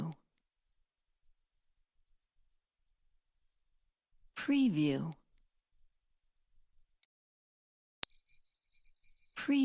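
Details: Simulated tinnitus (ringing in the ears) sound effect: a steady high-pitched pure tone, then a brief gap and a slightly lower tone.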